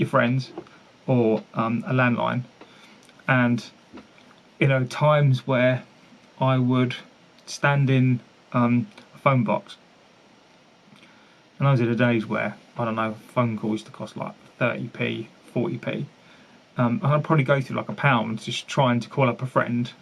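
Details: Adult man who stammers, a long-standing stammer present since at least his teens; stuttering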